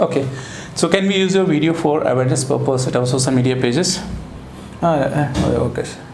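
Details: Adult man speaking; typical speech.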